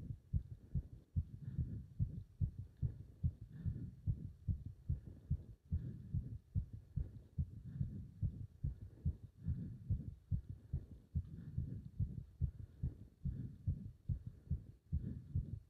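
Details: Heart sounds during leg wrench exercise, pounding felt up to the subclavian artery: fast, strong, regular heartbeat roughly 140 beats a minute with pounding thumps; rapid forceful heartbeat during exertion.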